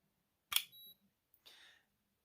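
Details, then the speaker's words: Sharp click, then a short high-pitched electronic beep and a brief rustle: a Bluetooth basal body temperature thermometer (Femometer) with no display signalling that the reading is done, used for fertility and period tracking. "like a thermometer but a thermometer yeah anyway i'm gonna link it this you have to take you can hear it beep"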